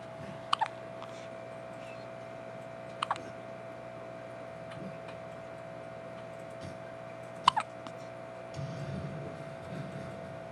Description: 5 days old with the most adorable hiccups ever.